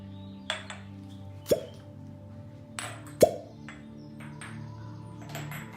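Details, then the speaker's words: Two distinct hollow pops with faint clinks as fire cupping therapy cups are removed from a client's skin at a spa; cupping cups released from skin. "I have to take some off too. I just love how they sound."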